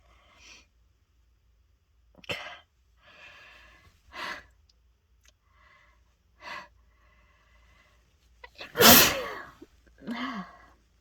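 A run of several sneezes with quick breaths between, building to one loud forceful sneeze; repeated bout of sneezing.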